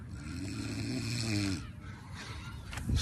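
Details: Man knocked out outdoors on grass, lying unconscious: one loud, rough, low rattling snore on an in-breath, then quieter breathing; snoring.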